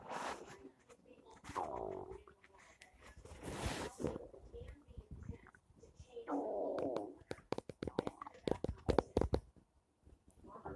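Gurgling, bubbling rumbles with short popping bursts in a quiet room; ordinary stomach rumbling from gas and fluid moving through the gut.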